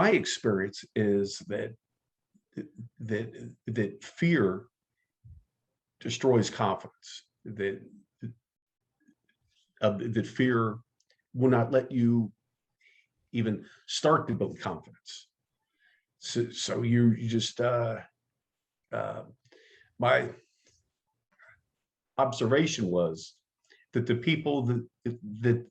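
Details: Stuttering in an adult man who identifies as a person who stutters and has been active in the stuttering support community for over 25 years.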